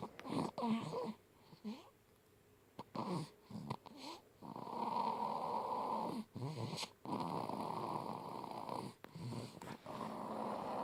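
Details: Baby girl, one of twins, snoring loudly like her father: long, rough, noisy breaths interrupted by brief pauses and snorts; snoring.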